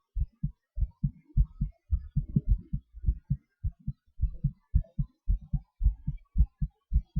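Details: Own heartbeat recorded during breath-holds and hyperventilation (panting): regular paired lub-dub thumps at roughly 100–110 beats a minute, normal heart sounds with rate changes.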